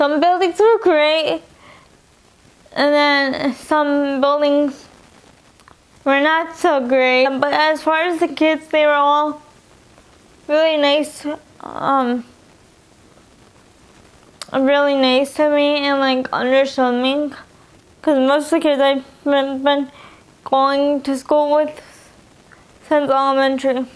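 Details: Young adult woman with spastic quadriplegic cerebral palsy from birth (in utero), affecting all four limbs; she uses a wheelchair. CP affects her talking and eating, and she has dysarthria.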